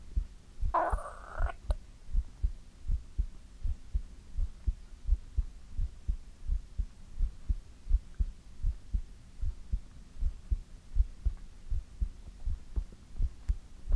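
Steady low thumping heartbeat at about 80 beats a minute, with a soft hum beneath.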